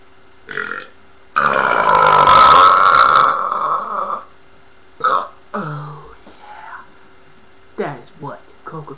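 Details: A long, loud, rumbling voluntary belch followed by a few shorter belches in a quiet room, from a man in a burping series, apparently after drinking a cola drink.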